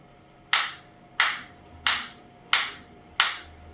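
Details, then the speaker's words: Focused (not radial) shockwave therapy applicator firing: five sharp snapping shots about 90 a minute, each fading quickly. "So you can see you can I'm feeling that shockwave, and it is 3 in the intensity."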